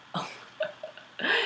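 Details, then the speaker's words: A sleeping pet, apparently dreaming, gives short noisy snorting bursts in a quiet small room; brief snoring. "you hear that bullet just snored that was funny he's like dreaming or something"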